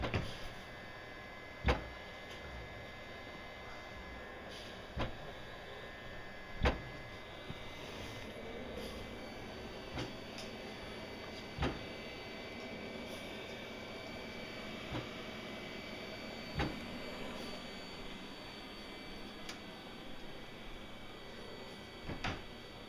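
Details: Morning mechanical insufflation-exsufflation (cough assist, MTM) treatment, recorded April 2013: a steady machine hiss broken by sharp clicks about every five seconds as the device cycles.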